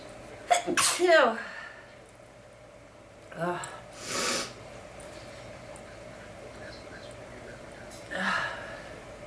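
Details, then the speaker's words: Stuffy person with a horrible cold, deliberately making themselves sneeze; a wet, forceful sneeze with a rising voiced lead-in, then softer sneezes and vocal exclamations. "I'm all stuffy. I got a horrible cold. I'm gonna try to make myself sneeze. Maybe it'll help."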